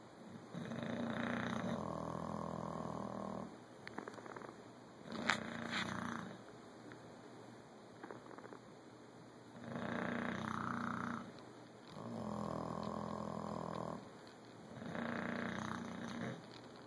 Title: My snoring dogs